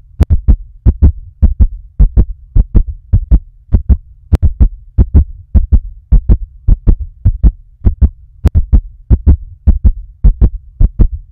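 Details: Fast heartbeat: crisp, regular lub-dub pairs at about 105 beats a minute over a low hum.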